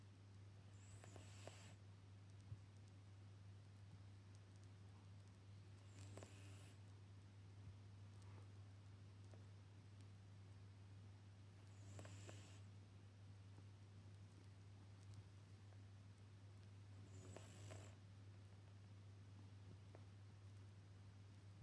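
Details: Cat known for loud sleeping breaths, snoring while asleep with one eye open: quiet, breathy snores, about four breaths over twenty seconds (roughly 11 a minute), over a steady low hum.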